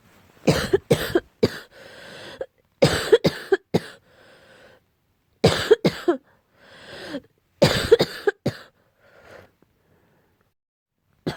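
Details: Allergic barking cough, attributed to cat allergy: barking cough.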